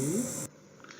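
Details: Breathy voice from glottic insufficiency after laser resection of the left vocal fold including the anterior commissure tendon, leaving a keyhole gap at the front of the glottis; recorded after medialization by fat injection.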